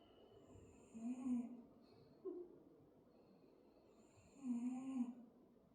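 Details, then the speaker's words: Small pet dog snoring quite loudly in the background during a yoga session; deep, audible snoring sounds. "I don't know if you can hear that, Arya's snoring quite loudly now."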